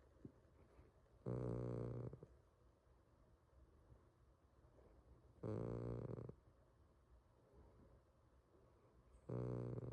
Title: Snoring cat